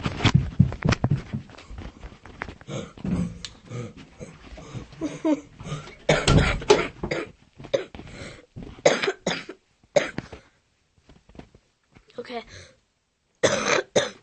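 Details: Coughing fit: long run of rapid, forceful coughs in close succession with brief gasps between, trailing off into a few final coughs.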